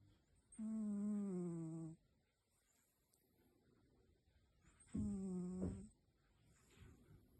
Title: Sweet Snoring Kitty, Sound Up! 📣 #cat #sleepingcat #cute #dreamcat #beautifulcat #snoring